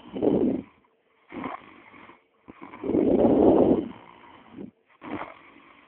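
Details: Deep, fluttering snores on each breath with brief silences between, from a man, recorded through a muffled microphone; snoring.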